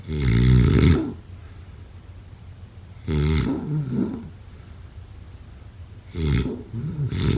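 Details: Loud, low, rattling snores recurring about every three seconds, with quieter breathing between them.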